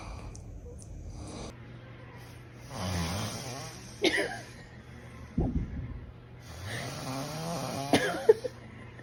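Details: Dad snoring in sleep: loud, rattling inhaled snores with sharp snorts between, over room hum. Heavy snoring.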